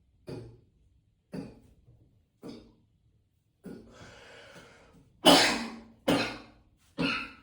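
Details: Seven harsh coughs, growing louder, with a long rough breath in midway, echoing in a tiled bathroom; heavy repeated coughing.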